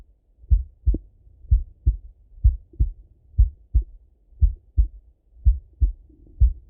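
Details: Male heart auscultated with a stethoscope, recorded either sitting at a desk or lying in bed: clear lub-dub about 64 beats a minute, no added sounds; normal heart sounds.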